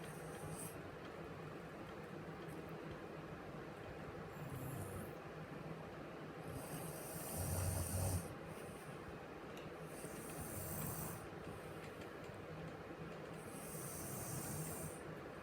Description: She is an adorable kid who snores so loud. Too loud that I can’t even sleep!!